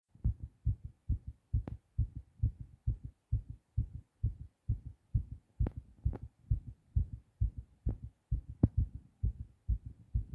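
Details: Adult male, recently sick, fast heartbeat recorded after a hard cough: strong, quick, steady heart thumps at roughly 130 beats a minute, tachycardia.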